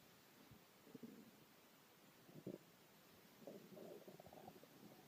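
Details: Stomach growling (borborygmi) from a hungry man who had not eaten in 6 hours.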